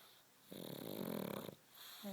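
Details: Sleeping dog snoring: a single rattling, fluttering snore lasting about a second, with quiet room noise around it.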